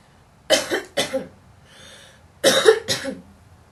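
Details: Young woman smoking a menthol cigarette coughs between drags: two pairs of harsh cough bursts, two coughs each, separated by a faint breath.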